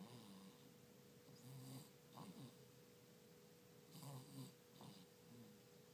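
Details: Soft, rough snoring breaths from a sleeping dog over a steady background hum; the dog has a cough and cold.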